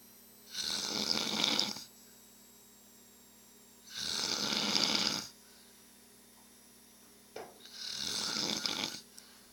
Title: Friend Snoring Really Loud